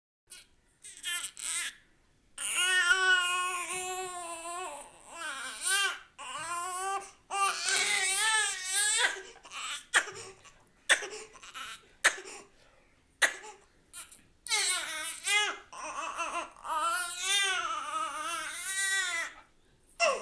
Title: BABY CRYING Newborn cry sound#babay crying#soundeffect